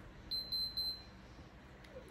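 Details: Special-needs baby being hooked up to a G-tube feed after a muscle relaxant and water flush: three short high-pitched electronic beeps from the enteral feeding pump starting the feed.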